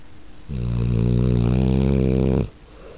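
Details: A pit bull dog snoring in daylight while the TV is on: one loud, droning, buzzing snore lasting about two seconds, with quieter breathing before and after.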